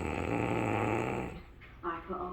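A low, fluttering, rumbling breath lasting over a second, then faint voices in the room; a single snore.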